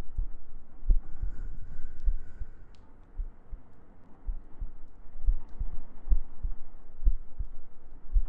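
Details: ASMR sleep-aid recording of soft, steady heartbeat thumps at roughly 65 to 70 per minute under faint humming and gentle breathing; regular, normal heartbeat.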